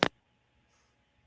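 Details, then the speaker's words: A single, very brief, soft adult sneeze, followed by near silence and laughter, mocked as pathetic; sneeze. "I just want everyone to hear how pathetic your sneezes are."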